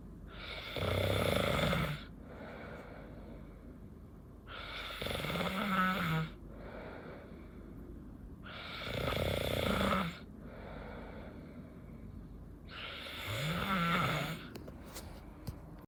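Loud, rough snores on each breath in, with quieter breaths out between them, about 15 breaths a minute; ordinary snoring.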